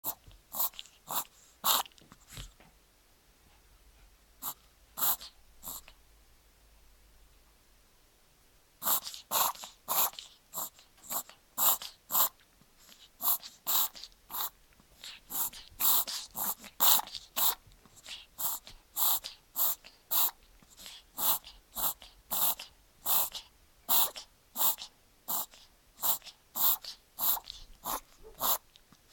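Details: 14-week-old male Papillon puppy, on the 6th of 10 doses of doxycycline, otherwise normal, eating and gaining weight: repeated short harsh snorting bursts like coughs and sneezes with congested noisy breathing.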